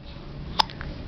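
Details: Baby girl gives one short, sharp hiccup against low room noise; a normal infant hiccup.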